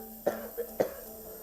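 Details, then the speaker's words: Man aged 55 with sudden-onset difficulty breathing, chest and upper back pain, coughing up blood after a coughing fit, and a long-standing cough. Two short, sharp coughs with a softer catch of breath between, over a steady mechanical hum. "And he got the cough for a long time."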